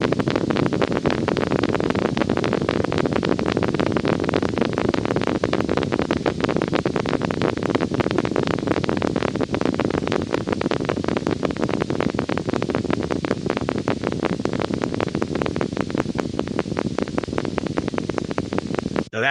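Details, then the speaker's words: Needle EMG with needle held still: rapid crisp clicks over hiss as some fibrillation potentials cease, leaving one spike firing regularly; fibrillation potentials. "a little easier there some of them cease firing and now you can hear that spike is more more regular Spike"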